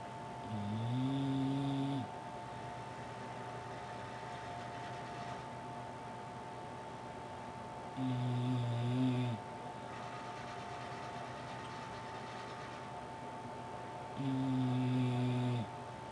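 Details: Female English Bulldog asleep with eyes open, refusing to wake: three long droning snores about every 6–7 seconds (about 9/min) over room hum; snoring.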